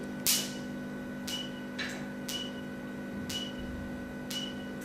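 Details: Q-switched Nd:YAG laser machine during an operation demonstration: sharp, regular clicks about once a second over a steady machine hum, the firing pulses of the laser.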